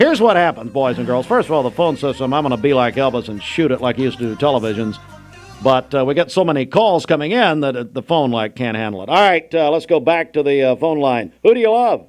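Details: Adult male radio host; Normal voice.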